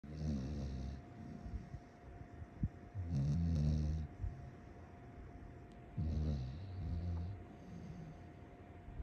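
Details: Snoring from Astrid, a foster rescue dog, recorded February 2023; snoring.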